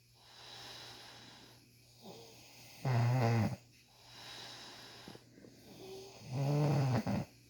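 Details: Man snoring loudly while having tough beard ingrown hairs removed: two loud, rough, rattling inspiratory snores, quieter breaths between, about 17 breaths a minute.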